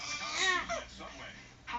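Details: Infant: a brief, high-pitched wailing cry that falls in pitch, followed by softer fussing sounds. Typical infant crying.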